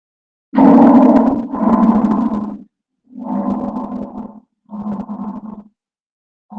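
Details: Normal bronchovesicular breath sounds, auscultated beside the manubrium sterni and over the right interscapular region: inspiration and expiration of roughly equal length, separated by short silent pauses.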